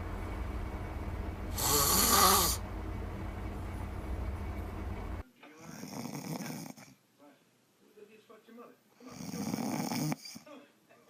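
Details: Compilation of snoring moments: loud, rattling snores on inhalation across several short segments, with brief talk and music in the background.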